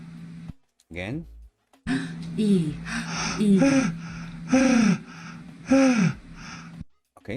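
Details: Right vocal fold paralysis with a big glottic gap, folds unable to approximate in the midline; voice in unilateral vocal fold paralysis.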